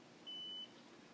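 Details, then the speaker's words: Single short high-pitched beep from a blood glucose meter as the test strip with a finger-prick blood drop is read. The user of an OmniPod insulin pump is checking blood sugar, which reads 214. "to do that isn't just like any other machine you put your test strip in you prick your finger with a little bit of blood and put"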